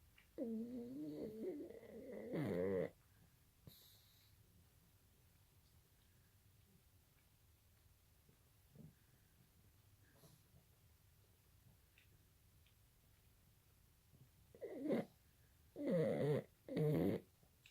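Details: A few loud, rough, buzzing snores from an animal sleeping and dreaming, with quiet stretches between them in a still room; snoring.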